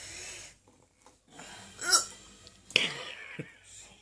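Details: A woman with hiccups after eating her husband's leftover chili; abrupt, involuntary gulping catches in the voice, a couple within a few seconds.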